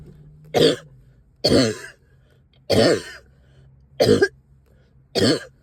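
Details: Wet productive cough, up all night with heavy chest, headache and stubborn sticky phlegm: five separate harsh, rattly coughs in a quiet room.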